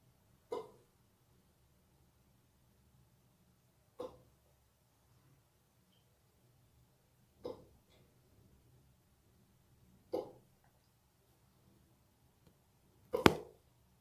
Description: Dude has fast hiccups in the bathroom